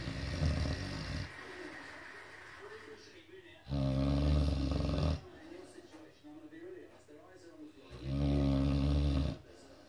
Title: Snoring again